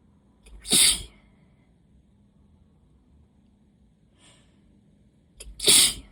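Two sharp, forceful sneezes about five seconds apart, each with a quick indrawn breath before it; allergic sneezing.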